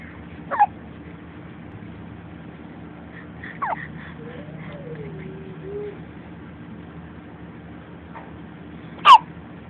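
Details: Baby hiccups: a few brief, sharp hiccup sounds several seconds apart, with a soft baby coo between them, over quiet room hum.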